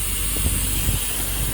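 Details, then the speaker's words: Steady hiss with low mechanical rumble: the inbuilt nebulizer of a 10 LPM oxygen concentrator starting up after oxygen flow is set to zero and the knob turned anticlockwise; nebulizer running. "So from here the nebulization has started. So using the given nebulizer kit,"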